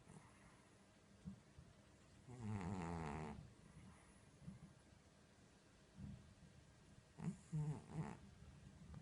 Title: Cat Snoring *Very Funny*